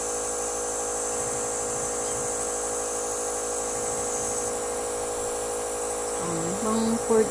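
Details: Steady mechanical hum of a running nebulizer compressor with a brief voice near the end, treating baby Lucky's phlegm and breathing difficulty on about the third or fourth day of nebulizing: nebulizer compressor running.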